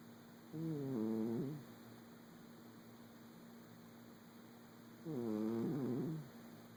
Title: Woobie cat snoring